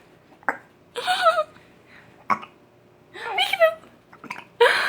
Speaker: You got the hiccups. Peekaboo.